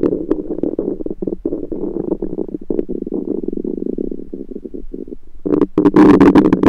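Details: Continuous gurgling and bubbling rumbles with a louder burst near the end, recorded over the person's own abdomen with a USB stethoscope: normal active bowel sounds of a rumbling stomach.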